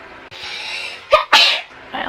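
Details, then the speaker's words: Adult woman doing a self nasal swab Covid test, mentioning allergies: quick indrawn breath then a sharp, explosive sneeze, induced by the swab. "Ooh. I feel like I have to sneeze."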